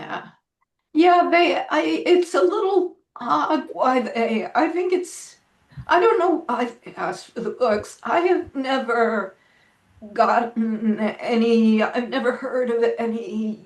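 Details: Spasmodic dysphonia in an adult woman; severity varies from day to day, and she reports this as not a particularly good day.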